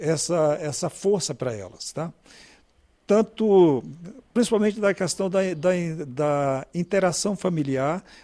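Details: Adult speaker; normal speech.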